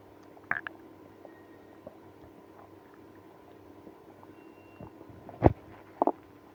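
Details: Scattered gurgles and a few louder squelching rumbles over a low background hum after drinking milk and prune juice with irritable bowel syndrome; active bowel sounds, stomach growling (borborygmi).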